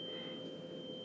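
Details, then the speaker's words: 512 Hz tuning fork placed on the mastoid for the Rinne test during a head and neck exam demonstration: soft, steady pure hum; normal result, air conduction greater than bone conduction. "Okay. So that's a normal finding with air conduction being greater than bone conduction."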